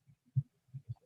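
Rapid, soft low thumps of a fetal heartbeat recording, quiet and brief.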